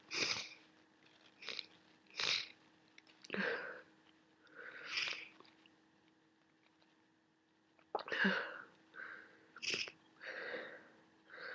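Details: Person with a worsening head cold, sneezing repeatedly: sharp sniffs and sneezy bursts with congested nasal breathing; sneezing and sniffling.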